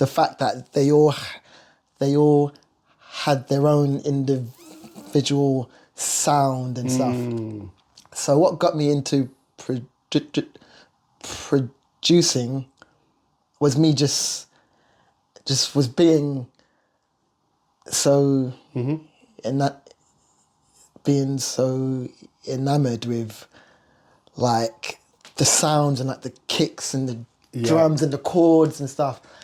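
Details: Stuttering (stammer) in an adult male singer and vocal producer who has lived with it.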